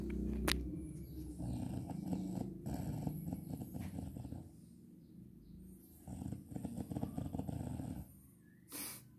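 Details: Rough, rattling snoring breaths in bursts from a mother sleeping in the daytime, with background noise and faint music; snoring.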